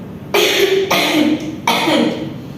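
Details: Simulated demonstration of the effective cough technique from a nursing deep-breathing and effective-cough procedure: three strong, forceful coughs in a row to clear the airways; effective cough.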